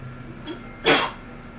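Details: A single harsh, forced cough burst in a small room, acted with fake blood as a prank while claiming chest tightness; simulated cough.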